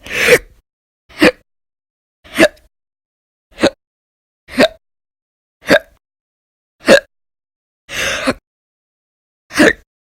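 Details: Audio-only recording from a month-long log of violent, loud, persistent hiccups: nine sharp, gulping hics in ten seconds with silence between.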